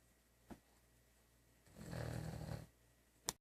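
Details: Sleeping German Shepherd dog snoring: one rumbling snore lasting about a second, between brief soft noises.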